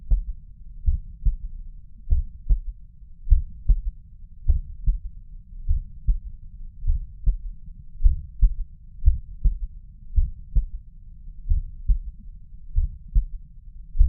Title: Third heart sound at mitral valve